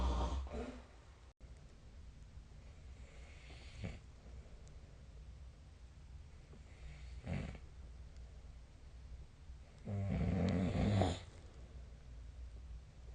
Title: 🐽 本日のイビキ / Snoring Sleep Sound 2024/12/26